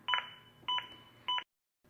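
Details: ZOLL AED Plus demonstration: three sharp two-tone beeps about 0.6 s apart. The adaptive CPR metronome monitors chest compressions and prompts a rate of at least 100 per minute.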